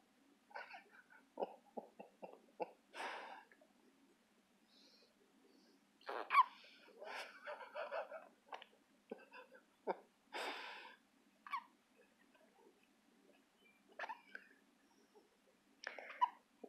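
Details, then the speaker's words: Little girl with hiccups: several abrupt, squeaky hiccups at irregular intervals, likened to squeaky aliens, with soft breathing and small vocal noises between them. "like the little squeaky aliens from Toy Story. You know that? That's what you sound like. Mean old hiccups."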